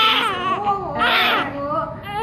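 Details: Newborn boy just after birth: loud, high-pitched crying bursts with strong voice, a healthy first cry.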